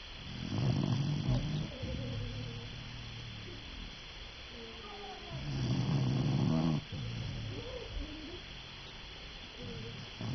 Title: Dog snoring